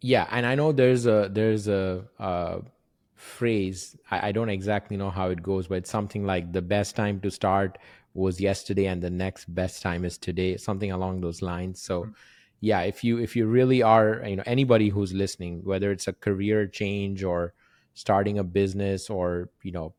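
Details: Adult male speaker; normal conversational speech.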